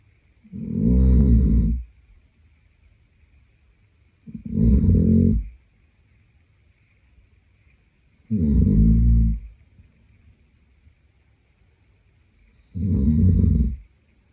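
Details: Heavy snoring from a sleeping boyfriend (male): four loud, rattling snores on breathing in, about 15 per minute, with quiet pauses between; ordinary heavy snoring.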